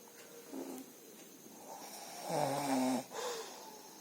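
Brief, buzzing, vibrating breaths over a quiet room, with one longer rattling breath: snoring.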